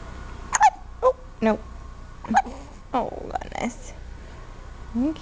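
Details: Big hiccups: several abrupt, short voiced gulps at irregular intervals in a quiet room.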